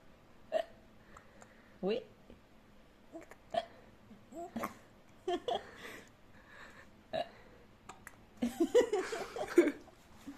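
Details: Several short, abrupt gulping sounds at irregular intervals amid quiet room noise, brief vocal sounds near the end; hiccups.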